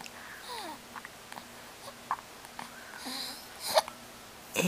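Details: Short, abrupt little gasps recurring about once a second amid soft baby vocal sounds: hiccups in a 5-week-old baby.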